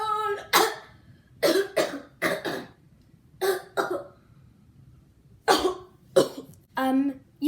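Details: Acted comedy skit by a child, not a real illness: about nine short, dry, forceful coughs in uneven clusters, with brief sung notes at the start and end.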